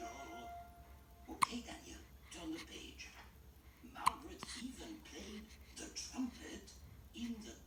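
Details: Hiccups in an 8-day-old newborn: two sharp, sudden hiccup clicks, with an adult reading a picture book aloud in the background.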